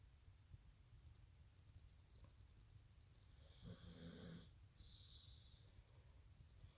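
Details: Person snoring: a rough, rattling snore on an indrawn breath over a low background rumble, followed by a softer hissing breath out.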